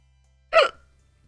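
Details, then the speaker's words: Single short, sharp voiced hiccup during a hiccup bout while reading aloud; the speaker says these hiccups make the tummy hurt and the eyes water, probably because the tummy is empty. "This is the kind that's making my tummy hurt. Probably because my tummy is empty."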